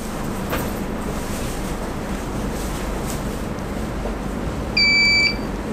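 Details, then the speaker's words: Sonopuls 591 combined ultrasound therapy unit: a single short, steady electronic beep over room hum, the end-of-treatment alarm sounding when the set treatment time runs out, with an orange light appearing on the sound head. "นี่คือเสียงเตือนเมื่อเวลาหมดนะคะและหัวซาวด์เฮดจะมีไฟสีส้มขึ้น"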